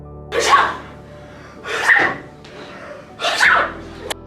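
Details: Staged sneezes in a parody medicine advert: three loud, explosive sneezes in about four seconds over background music; sneezing.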